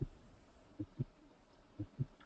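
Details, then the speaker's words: Simulated heart sounds from a nursing education program, slowed down to bring out the difference between S1 and S2: crisp paired lub-dub beats, about 60 a minute; normal heart sounds. "Now if you slow things down here, you're really going to be able to hear the difference in the S1 and S2 sounds here."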